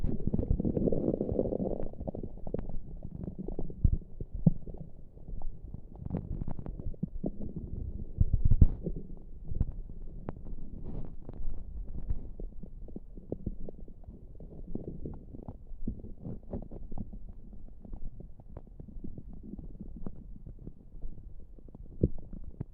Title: Not pressing on my tummy for making noises for you 🫶